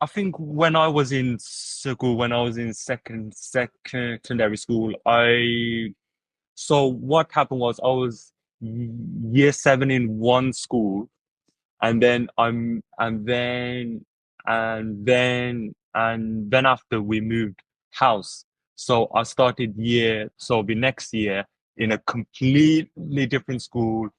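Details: Stuttering in an adult male podcast host who has stuttered since at least secondary school.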